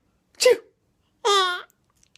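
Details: A single short, sharp sneeze followed by a baby girl's bright laugh; ordinary sneeze.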